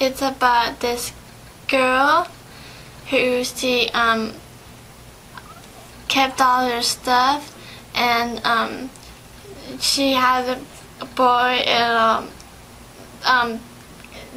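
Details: 17-year-old patient with aphasia, assessed in an interview with a speech therapist: aphasia.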